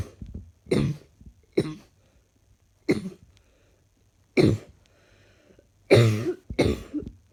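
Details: Adult with a slightly chesty cough on waking in the morning: six separate, somewhat loose, rattly coughs.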